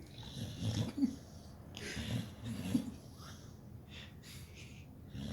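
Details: Sleeping Pitbull, dreaming: rough snoring breaths with snorts and faint whistling, small whimpers between; snoring.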